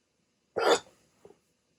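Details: A single abrupt, sharp hiccup followed by a faint catch of breath; a rare 16-minute hiccup bout after waking from sleep with a CPAP mask for sleep apnea.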